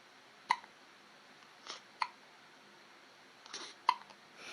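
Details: Baby with hiccups: three sharp, brief hiccup clicks about a second apart with soft breathing between, in a quiet room.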